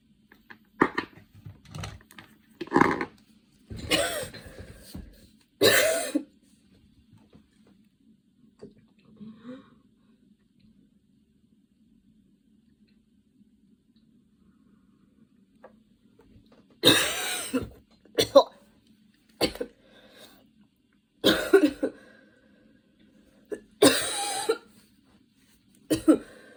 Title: little fit while getting ready, hahah might just film grwm just with coughing